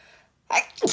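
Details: Allergy sneezing late at night: a short breath in followed by a single sharp, explosive sneeze.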